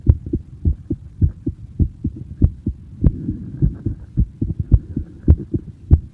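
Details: Soft, low paired thumps at a brisk pace, roughly 110 a minute, over a faint hum: a child's heartbeat recorded in person.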